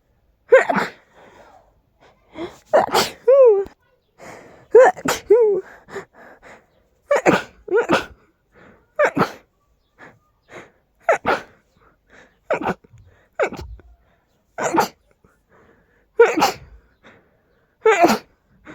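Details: Loud, big sneezes, described as too strong and incredibly tickly to hold back: a long rapid run of about a dozen explosive sneezes, some preceded by a voiced wail; sneezing.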